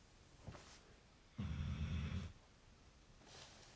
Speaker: if you can hear that snoring that's wake up